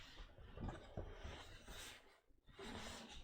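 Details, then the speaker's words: A sleeping dog snoring in the background: low, rough breathing noise heard faintly through room noise. "Et je suis désolée si vous entendez mon chien ronfler."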